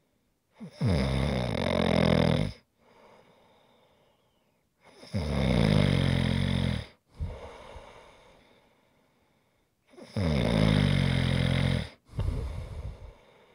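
Long, loud, fluttering snores on breathing in, followed by softer breaths out, about 13 breaths a minute; heavy adult snoring.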